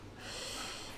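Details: A single strong, noisy, hissy inward sniff through the nose from a sick adult with a blocked nose and reduced sense of smell.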